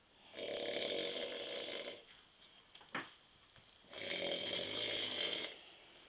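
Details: Two long, rasping snores on the in-breath with a quiet pause between them, in a quiet room, from an adult husband asleep on a sofa at 9:30 pm after too many beers.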